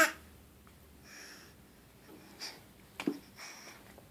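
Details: Infant wheezing while being fed cereal: soft, high-pitched whistling breaths.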